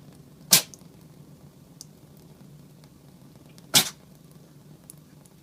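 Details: Male Norwegian Forest Cat kitten who loves tap water and often gets water up his nose: two short, sharp, hissing sneezes a few seconds apart in a quiet room; sneezing.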